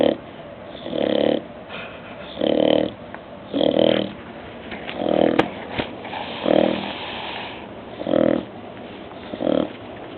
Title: Bulldog Porter Snoring While Awake